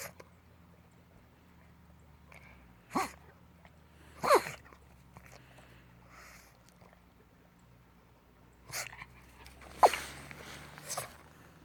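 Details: About five short, explosive nasal sneezes in a quiet room from a pet that once could see and hear and loved playing ball in the yard.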